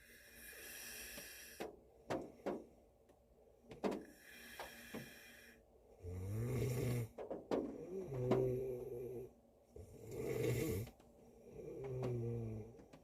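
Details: Adult man (Korean boyfriend) snoring while asleep in a car on a snowy day: loud, throaty, fluttering inspiratory snores alternating with quieter breaths over soft patter.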